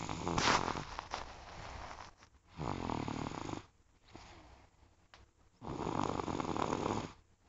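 Loud, rough, rattling noises in bursts with quieter gaps between, fitting snoring.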